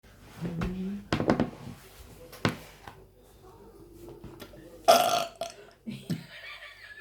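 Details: A loud, rumbling burp among soft voices and baby sounds in a small room; an ordinary burp.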